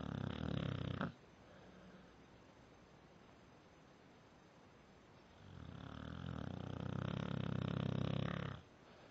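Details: Sleeping pit bull: two long, loud, rumbling breaths with a quiet pause between; snoring.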